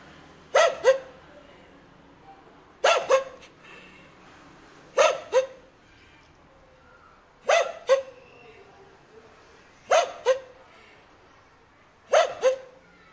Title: The dog barking is hoarse